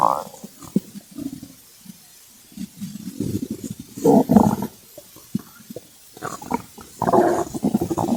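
Bursts of low gurgling and rumbling with quiet gaps between, typical hunger stomach growling.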